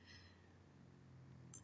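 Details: Small dog snoring in the background while its owner makes a card: a low, steady, rumbling snore with faint room noise.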